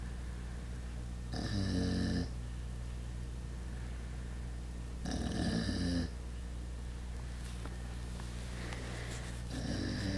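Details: Max, the sleeping companion of the recorder, snoring: loud rumbling snores about every four seconds over steady room hum.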